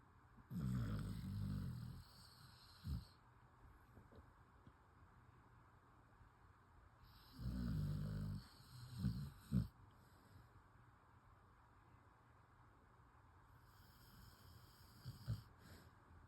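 Low rumbling snores on inhalation, about one every seven seconds, with short snorts between in a quiet room; ordinary snoring.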